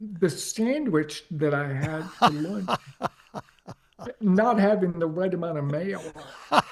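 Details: Adult man with ALS diagnosed four and a half years earlier and now near end stage; paralyzed from mid-throat down; uses a ventilator to inflate his lungs to speak; dysarthria in amyotrophic lateral sclerosis.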